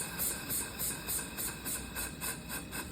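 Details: Intrapulmonary percussive ventilator (IPV) attached to a ventilated patient's circuit: rapid regular hissing air pulses, about three a second, over machine noise, as frequency and pressure are turned down at the end of a 15-minute treatment.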